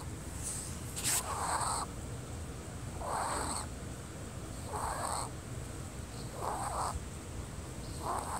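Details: Wheezing: noisy, rasping breath sounds with a thin whistling edge, about 35 a minute.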